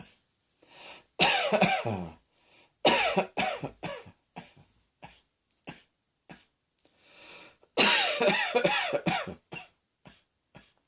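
Repeated harsh, rough coughing fits with short gaps and smaller trailing coughs between; a persistent cough.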